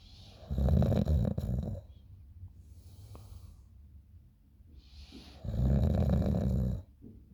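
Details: A person recorded by a friend while snoring in the morning: two loud, low, fluttering snores on the in-breath with softer airy out-breaths between, about 12 breaths a minute, ordinary snoring during sleep.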